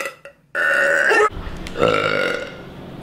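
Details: Woman burping: a loud, drawn-out, voiced belch followed by a second rumbling one.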